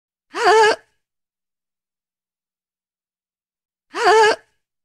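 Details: Woman's gasping sound effect: two short, sharp voiced gasps about three and a half seconds apart, separated by silence.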